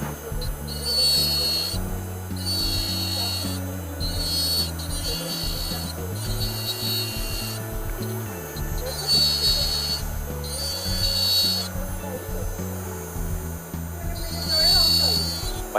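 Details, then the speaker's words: Steady high motor whine with gritty scraping pulses, over background music. A slow-speed bur undermines the gypsum free gingival margin on a removable die of a master cast, leaving a small lip for removal with a 25 blade: dental laboratory die trimming. "undermining the stone as you can see we're left with a small lip of gypsum here that represents the uh the free Ginger margin"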